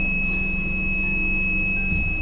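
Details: A steady, continuous high-pitched alarm tone over a loud machine hum from a Proactive home oxygen concentrator, sounding during a function check; oxygen concentrator alarm tone.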